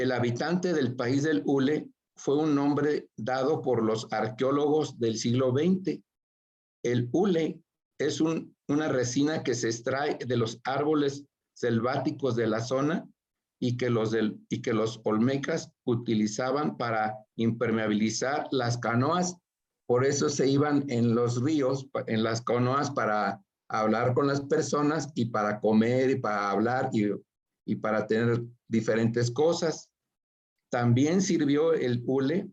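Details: Adult male with aphasia after a stroke (acquired brain injury), presenting in Spanish in an aphasia workshop; broken, disordered phrasing; aphasia.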